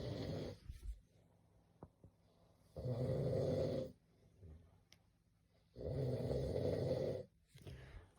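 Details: Man asleep, snoring loudly: rough snores on each breath in with quiet pauses between, about 19 breaths a minute; habitual snoring.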